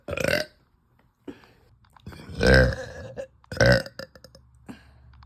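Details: Woman with uncontrollable burps after eating, bloated and gassy: several loud, drawn-out voiced belches, three main ones in about five seconds, with smaller gulping sounds between; repeated belching.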